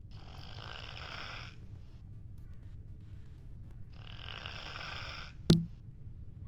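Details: Snoring: two long, rough, rumbling snores with a quiet pause between them, then a brief sharp knock.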